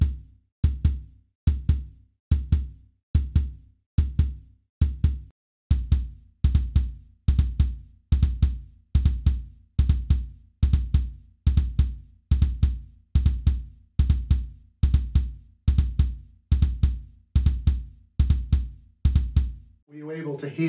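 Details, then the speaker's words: Recording at a resting heart rate of about 60 bpm: regular low heartbeats with an extra soft sound late in diastole, just before the first heart sound, giving an S4 gallop. "again another Gallup type Rhythm but instead of the Kentucky Rhythm we get a l l up L love du L du L dub so it sounds as it's just before heart sound one"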